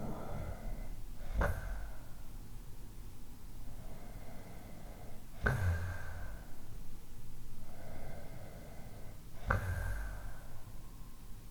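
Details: One of several types of snoring: snorting snores with a sharp rattling burst about every four seconds, roughly 15 breaths a minute, with softer airy breathing between.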